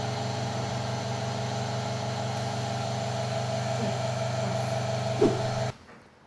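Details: Open-system suction machine used for oral suctioning of an infant in a nursing training demonstration; steady motor hum cutting off abruptly near the end.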